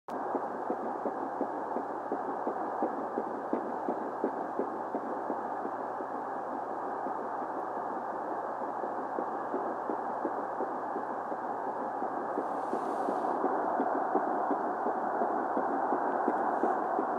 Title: first heartbeat audio